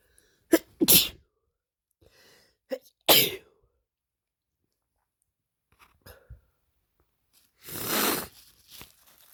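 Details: Person with a lingering cold sneezing: a run of sharp, explosive sneezes with short pauses between them.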